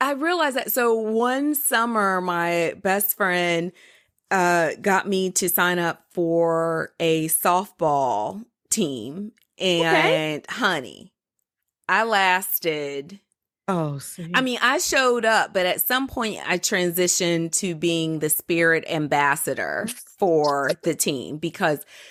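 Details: Adult woman speaking; normal speech.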